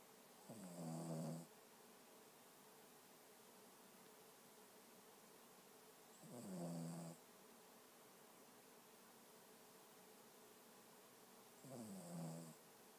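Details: Person sleeping and snoring: three low rattling snores on the in-breaths, about 11 a minute, with quiet pauses between.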